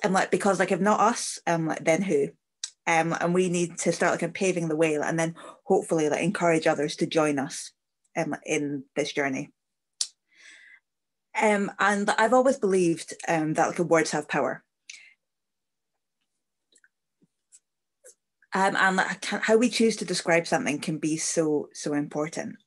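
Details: Stammering (stuttering) in an adult woman whose fluency fluctuates from day to day; she is not trying to be fluent while speaking.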